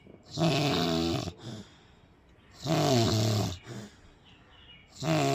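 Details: Person sleeping with heavy snoring: loud, rough, rattling snores on each breath in, with quieter breaths out, about 26 breaths a minute.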